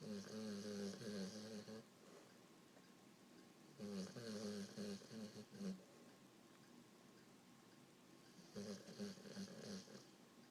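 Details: English Bulldog asleep after playing at the beach: three rattling, buzzing snores roughly every four seconds, about 14 breaths a minute, flat-faced dog's noisy sleep breathing; snoring.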